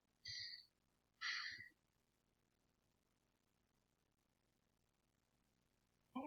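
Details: Deep breathing heard over the back during a head-to-toe assessment; breath sounds clear bilaterally.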